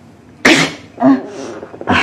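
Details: Acted, simulated sneezing from an adult man in a drama: a loud explosive sneeze followed by further sneeze-like bursts, portraying a cold.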